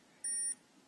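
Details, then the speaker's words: Medtronic MiniMed insulin pump during set change, after filling 0.3 to prime the end of a newly inserted quickset line: one short, high electronic beep signalling filling is done, insulin pump completion beep. "Okay, that beep signals it's done."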